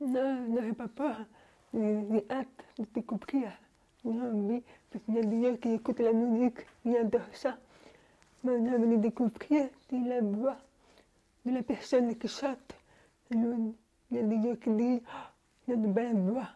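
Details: Young French-speaking woman, profoundly deaf since birth, speaking orally without an interpreter. Deaf speech.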